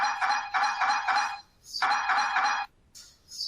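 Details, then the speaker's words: Loud rapid buzzing and knocking bursts, like alarms or hammering, with brief pauses: normal MRI scanner noise during imaging at a UK Biobank participant visit, where time on the scanner is about half an hour. "but here are some noises that you might you might hear in the mri scanner i'm hoping you can hear these it sounds very much like alarms often or hammering noises"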